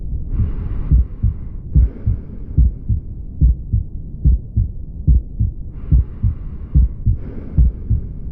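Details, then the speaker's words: Aortic stenosis murmur radiating to the neck, audio played in a teaching lecture as heard in real time by stethoscope: regular heartbeat near 72/min with harsh rushing murmur between beats. "Esta es una estenosis aótica que se irradia hacia el cuello."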